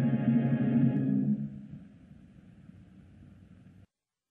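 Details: Simulated sensorineural hearing loss: the song "See the USA in Your Chevrolet" grows muffled and faint as its clear upper tones fade, showing the loss of sensitivity and clarity as the hearing loss worsens.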